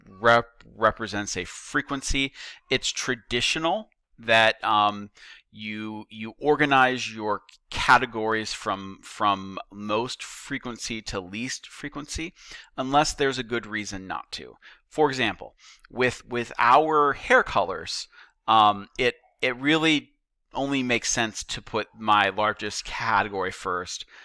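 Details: Adult male teacher who says he stutters; stuttering.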